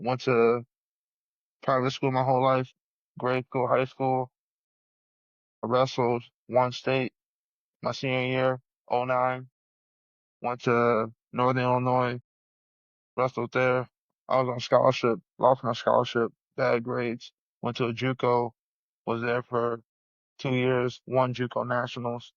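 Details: Adult man who has stuttered since early childhood, aware of it by about first grade, stuttering hard on words and his own name, though less often with age; stuttering.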